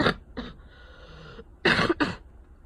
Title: summer cold coughing